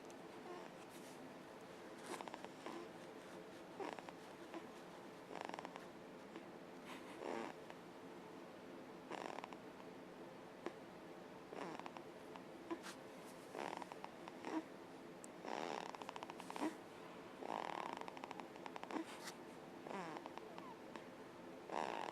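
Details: Sleeping infant in a bassinet at 6 a.m.: soft, rhythmic snuffly snoring at about 30 breaths a minute, sounding harmless: infant snoring.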